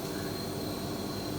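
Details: Invacare Platinum 9, 9 L oxygen concentrator set-up demonstration: steady mechanical hum with a constant high whine, normal operating noise of the running concentrator.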